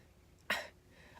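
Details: Single short, harsh cough burst from an adult with a cold ("frog in my throat" from cold/virus) in a quiet room, filmed in an RV.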